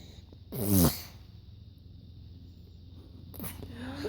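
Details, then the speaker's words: A 5½-month-old baby girl fake-sneezing because she finds sneezes funny: a single short, voiced, playful sneeze-like burst, an imitated rather than true sneeze. "What are you laughing about? is fake sneezing. What? fake sneezing."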